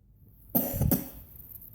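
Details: Two quick, deliberate coughs from a child, a forced cough put on in pretend play.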